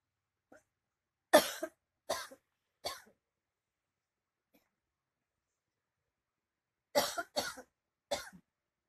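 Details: Adult woman woken by her cough, with dust exposure mentioned. Two bouts of three dry, forceful coughs separated by a quiet pause; recurring cough.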